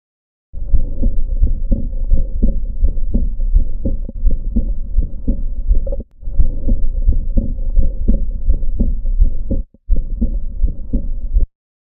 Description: The early diastolic murmur of aortic regurgitation. This was recorded at the left lower sternal edge in expiration.